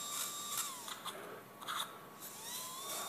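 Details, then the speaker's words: Outpatient TLIF revision in a 50-year-old female tennis player with a prior left microdecompression for left L5 radiculopathy: a high-pitched high-speed drill whines in short bursts on cortical bone of the high dorsal lamina, pitch dropping under load, releasing the ligament interface. "Using the drill physically to just release that a little bit."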